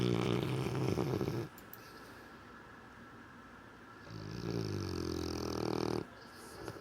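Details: Snoring in a dog sleeping on a couch while dreaming: two long, rumbling snores on the breath in, separated by a quiet pause.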